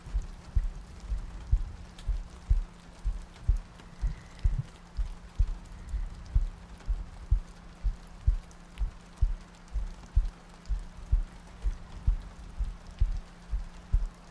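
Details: Sleep-aid ASMR loop with soft breathing and rain ambience: steady, soft low heartbeat thumps at about 62 beats a minute with light rain in the background; a regular heartbeat.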